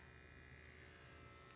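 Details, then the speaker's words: Steady electric pump buzz of a Withings BPM Connect automatic cuff inflating and tightening on the inner left arm at heart level, user seated, legs uncrossed, not talking, before a planned C-section; reading 117/71, pulse 85. "you're gonna hit it again you should feel it and hear it start to tighten"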